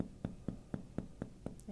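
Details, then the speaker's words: Percussion over the lower chest to locate the diaphragm, then repeated during a held deep breath, the dull edge moving lower: seven steady taps showing normal diaphragmatic excursion. "Right there, there's a change in the sound from here to here. I'm going to find right where the edge is, which is right there. Now, can you take in a deep breath and hold it? Now I have to move down that far in order to hear the diaphragm."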